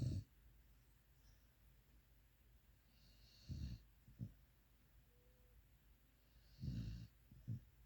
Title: Cute Pitbull Snoring... Dog snoring... cuteness overload